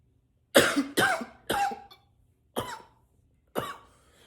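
Five short, forceful coughs, the first three close together, then two single ones, some voiced with a lower tone: repeated coughing.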